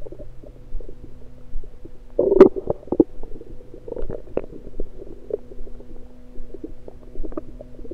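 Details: Frequent gurgles and bubbling clicks over the abdomen, recorded with an electronic stethoscope in the morning after breakfast; ordinary active bowel sounds.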